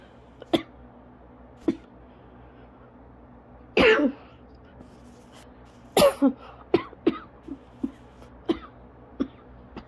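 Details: Adult's asthma coughing fit, ongoing about 30 minutes, leaving them lightheaded, dizzy and struggling to breathe normally: repeated short dry coughs and throat-clearing bursts.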